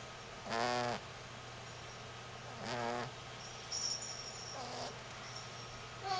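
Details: Cat snoring.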